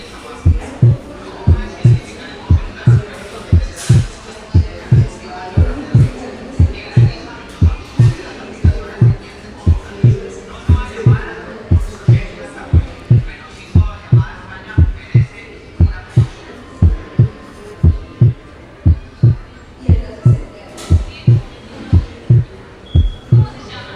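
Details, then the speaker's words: Physiological splitting of S2 during inspiration: lower intrathoracic pressure raises venous return to the right heart, prolonging right ventricular systole and delaying the pulmonary component of the second heart sound. "Durante la inspiración, la presión intratorácica disminuye. Esto aumenta el torrente sanguíneo hacia las porciones torácicas de la vena cava y hacia la aurícula derecha."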